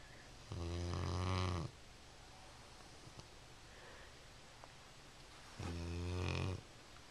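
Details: Two long, low, rattling snores about five seconds apart with quiet breathing between, while sleeping on a couch, heard from the kitchen; steady snoring.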